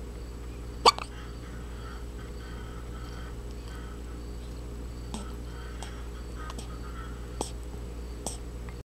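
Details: An 8-day-old baby's hiccups: several brief, sharp hiccup sounds spaced a few seconds apart over steady room hum.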